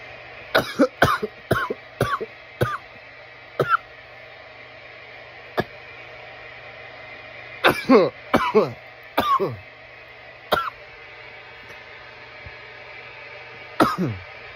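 Repeated harsh coughs in two clusters, roughly a dozen in all, with a few throat clears: an irritant cough after smoking.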